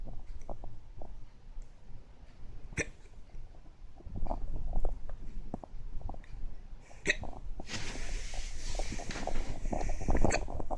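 Brief, abrupt catching sounds recur irregularly over room noise and some rustling; hiccups.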